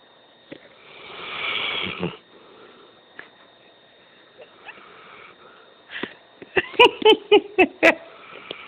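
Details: Black Labrador dog snoring while asleep, loud enough to wake people at night: soft breathy snore, then a run of short snorting, sniffing bursts over a steady background hum.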